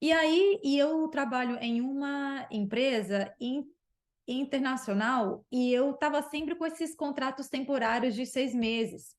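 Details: Adult woman who stutters; stuttering.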